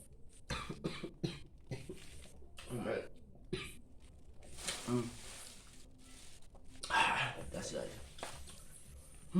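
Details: Adult man eating a bitter gourd (paria) dinner with yellow rice, saying it made him nauseous while coughing: several short coughs and throat clearing mixed with chewing and mumbling; cough.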